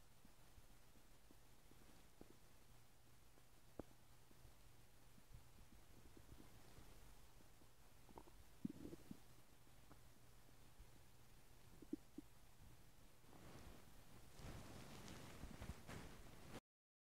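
Quiet low rumbles with scattered gurgles and pops from an adult's stomach, ordinary bowel sounds.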